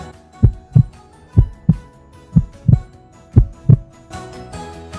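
Clear regular lub-dub pairs at about 100 beats a minute, with no extra sounds: a normal heartbeat.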